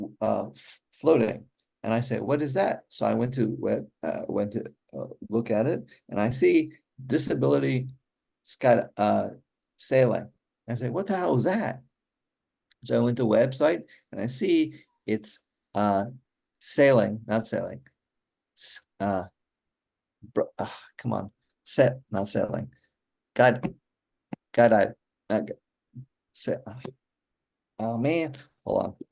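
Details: Aphasia in an adult man after a stroke during surgery in 2007 for hereditary mitral valve prolapse; he says communicating is still hard.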